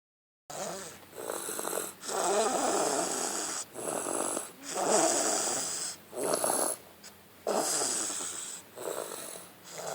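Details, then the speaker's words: Sleeping baby girl snoring after passing out in a truck: soft, rough breathing in irregular cycles, about 23 a minute, with a purring, cat-like quality. "you recording her snoring okay she sounds like a cat you know how cats PR when they [Applause] sleep"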